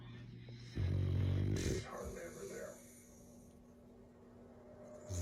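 One loud, deep, rattling snore followed by a softer snorting breath, from a resting bulldog; snoring.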